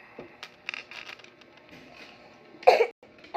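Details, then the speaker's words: Soft background sounds, then a single short cough burst from a child who says the coughing is due to allergies. "Sorry guys, I just need to cough because I have like coughing allergies, and I can't, and it won't be healed."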